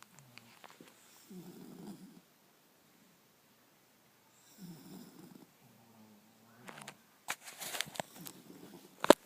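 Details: Sleeping dog snoring: two low, rattling snores a few seconds apart, then sharper snorting sniffs toward the end.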